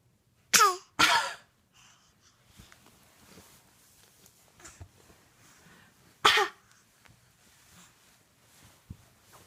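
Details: An 8-month-old infant gives three short, high-pitched voluntary fake cough bursts, trading them back and forth with her mother in a quiet room.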